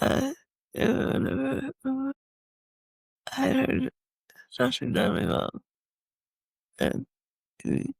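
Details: Man with multiple system atrophy, parkinsonian type (MSA-P), who reports that his speech has more of a stutter and a tremor, becoming more noticeable after the first two minutes; dysarthria in multiple system atrophy.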